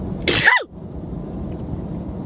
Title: Sneezing Girls 14